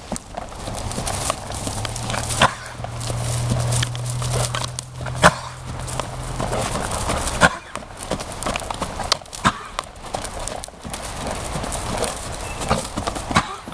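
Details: Mare, coughing for 5 weeks, gives several sharp, explosive coughs among steady hoofbeats while lunged in a dusty arena, typically at the start of work; temp 101.4 after the session, no abnormal nasal or mouth discharge; chronic cough.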